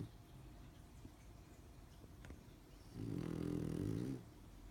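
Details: Pug snoring: quiet rough breathing, then a loud buzzing, rattling snore lasting about a second, typical of a flat-faced dog.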